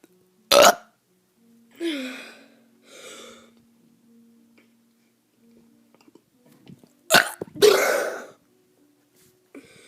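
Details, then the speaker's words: Child doing several loud, deliberate burps, the longest stretched and rumbling; voluntary belching. "Hey guys, I'm gonna be doing some burps."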